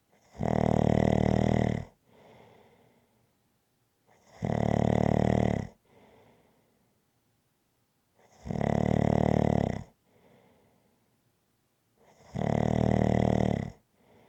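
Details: Loud, regular snores on each breath in, about every four seconds (roughly 15 a minute), with soft breaths out between; rhythmic snoring.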